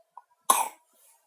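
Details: Single short, sharp cough, preceded by a faint click, from a cat with a cold (cough and runny nose).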